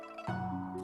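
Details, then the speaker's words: Barking cough: a single harsh, hoarse cough with slight high-pitched stridor-like wheeze, dog-bark-like, indicating upper airway obstruction such as acute laryngitis or allergic laryngeal edema. "嗽的声音，有点嘶哑的声音，而且带有一点轻微的喘鸣，像这小狗叫一样，这是犬吠样咳嗽。听到这种咳嗽的声音的时候，要指向一个病，指向上气道的梗阻。"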